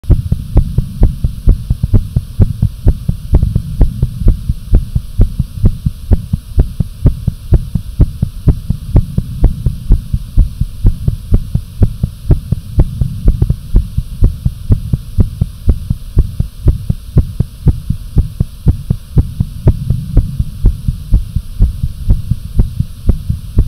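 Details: Own fast, pounding, visible heartbeat and pulse with some breath holds: rapid, strong low thumps about 125 a minute over a steady low hum; tachycardia.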